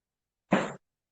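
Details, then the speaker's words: A physiotherapist demonstrating a deep lunge stretch in a dancer warm-up: a single short, dull pop from her knee as it bends deeply; knee joint popping (crepitus). "ooh, sorry, that was my knee popping."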